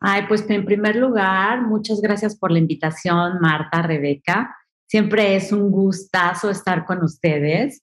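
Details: Adult woman speaking Spanish; Normal voice.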